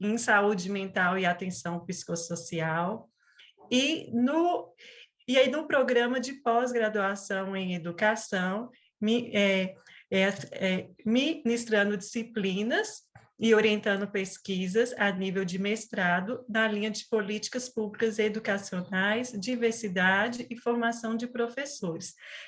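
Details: 37-year-old woman who has stuttered since age 4, with a father and brother who also stuttered; she calls it a neurobiological speech disorder; stuttering.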